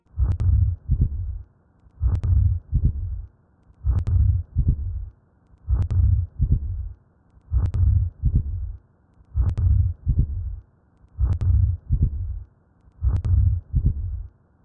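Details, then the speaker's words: Simulated atrial septal defect heart sounds: a whooshing ejection systolic, crescendo-decrescendo murmur with splitting of the second heart sound. "he murmur of atrial sepal defect this presents with an ejection systolic murmur and splitting of the S2 heart sound this murmur occurs in CYO and he's a crescendo de Crescendo murma"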